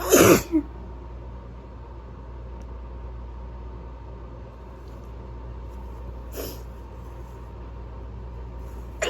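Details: Person who is sick, during a sneezing fit: one loud explosive sneeze with a brief follow-up burst, then a quieter second sneeze several seconds later over room hum; sneezing.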